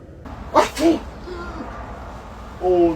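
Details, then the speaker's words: Fake sneeze performed by an adult as a prank: a sharp two-part sneeze, followed by a brief voiced exclamation. "I sneezed by accident. Oh my god. [screaming] I just sprayed snot on you."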